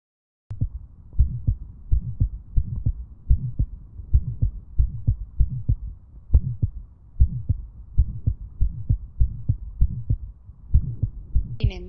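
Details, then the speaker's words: Fast, regular child heartbeat with a soft, low, humming vibratory murmur between the beats: Still's innocent murmur. "Aquí podemos escuchar un ejemplo de soplo inocente de Still."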